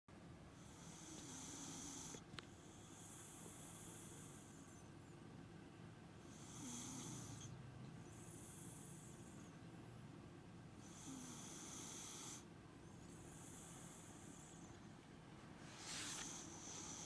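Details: Girl sleeping after surgery: quiet, hissing, whistly breaths in and out, about 12 breath cycles a minute, faint room noise; soft snoring.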